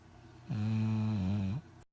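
One long, low, droning snore of about a second from a sleeping dog; steady and buzzing.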